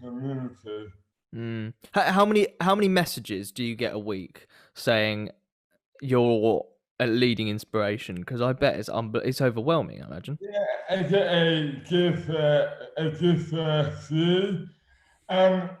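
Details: Adult male speaker, conversational; typical speech.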